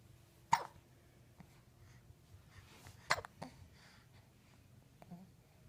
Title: Hiccups AND sneezes!!